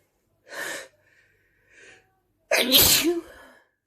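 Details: Adult deliberately sneezing onto a mirror, messy sneezes.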